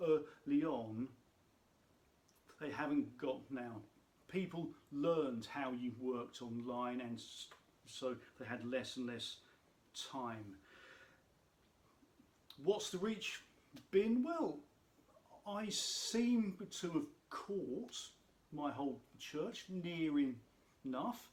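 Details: Adult man who states he has a stammer, which he says can be heard in his speech; stammer (stuttering).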